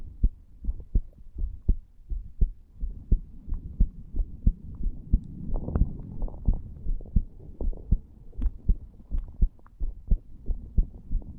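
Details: Self-recorded: 34-year-old male lying on a bed after cigar nicotine and "green stuff", stethoscope over the tricuspid area. Steady heartbeat at about 88 beats a minute with some rustling.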